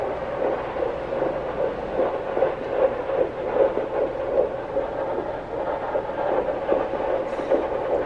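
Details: Couple's first time hearing their baby's heartbeat on Doppler: fast, regular whooshing pulses at 150 a minute, called totally normal and strong; normal fetal heartbeat.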